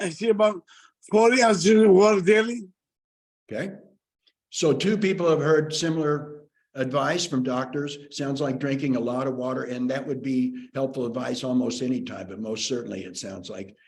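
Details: Adult male speaker; ordinary speech.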